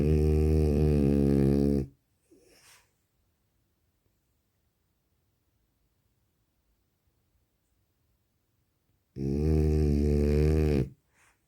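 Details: French bulldog: two loud, low, rattling snores about seven seconds apart, separated by near silence; snoring.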